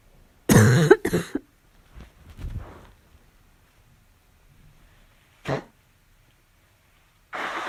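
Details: Barking cough during a fall cold: several harsh, hoarse cough bursts with throat clearing between them, typical of upper airway irritation.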